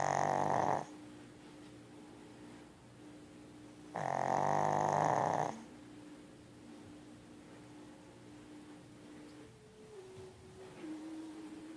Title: Tiger snoring